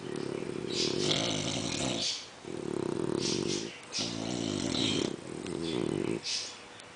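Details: English bulldog and French bulldog sleeping and snoring together: loud, buzzy, rattling snores in steady cycles of about two seconds, roughly four in seven seconds, heavy snoring in flat-faced dogs.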